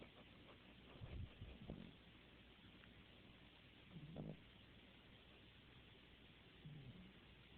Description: my mom's puppy fell asleep next to me and he started to snore... i just thought that it was cute